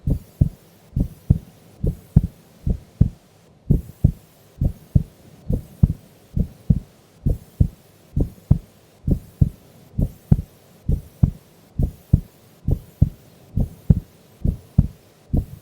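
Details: Heartbeat of a sleeping female during an afternoon nap: steady, regular low thumping at about 67 beats a minute.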